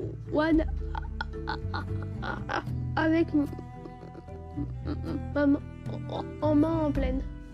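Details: Stuttering lasting for years in an 11-year-old boy, not resolved by speech therapy and child psychiatry, during a 3-day breathing-based stuttering course in Paris.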